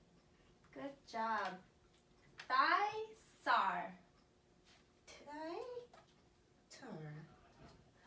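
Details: Child with childhood apraxia of speech practising pseudo words in rapid syllable transition treatment, cued by a clinician to stress the first part of each word.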